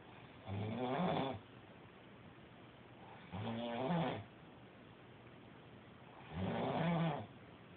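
Three regular rattling snores, about 20 breaths a minute, with quiet pauses between them. Snoring.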